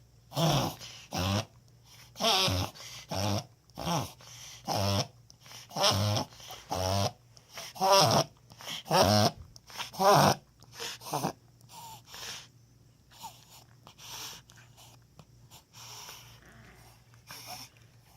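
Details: Dog about 6 years old, noise started recently; owner first thought water in nose from bath or pool, suspects reverse sneeze: a run of loud, rapid, snorting inhaled honks that fade out; reverse sneezing.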